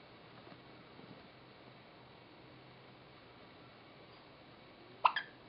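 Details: Infant's first hiccups: quiet room, then one short, sharp catching sound near the end; hiccup.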